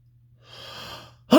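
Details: Male's big sneeze buildup: a drawn-out, gasping in-breath builds, then a sneeze bursts out as the sound cuts off; typical sneeze lead-in.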